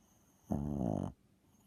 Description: He's 7 lbs but snores as loud as a person.